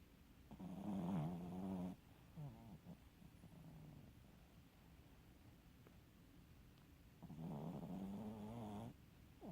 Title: Funny dog snore